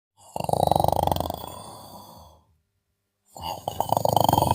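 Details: Two loud, rattling snores on inhalation, each fading out, separated by a silent pause, from a sleeping person; snoring.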